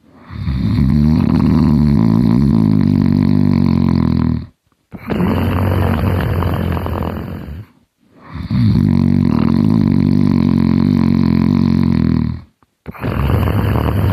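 Loud, long, harsh rumbling snores lasting about four seconds each, separated by brief silent pauses; heavy snoring.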